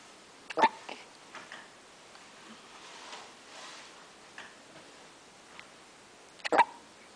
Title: funny baby hiccups